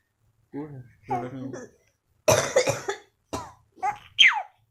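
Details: A father's harsh adult coughs mixed with a baby's vocal sounds and laughter; coughing.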